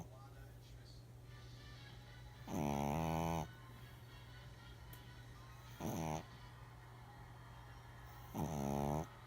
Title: Not me snoring